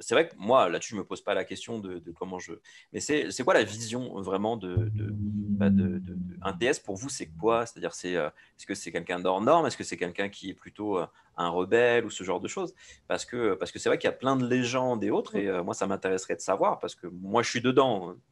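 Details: Adult speaker; Normal voice.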